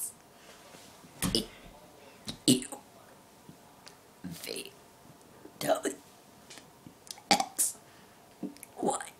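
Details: Voluntary burping of the alphabet: a series of deliberate voiced burps shaped into sung letters, with faint noise between.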